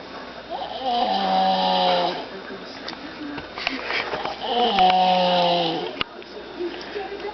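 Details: Little girl snoring loudly in sleep: two loud, rattly voiced snores on in-breaths about four seconds apart, quieter breathing between, TV playing faintly in the background.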